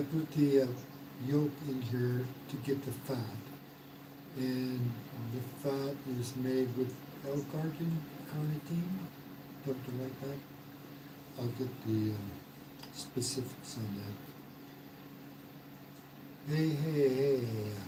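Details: Man, an expat, about 115 days into self-therapy after a mild stroke, restarts sentences with hesitations; aphasia after mild stroke.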